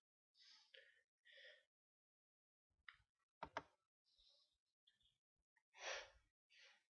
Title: Sneezes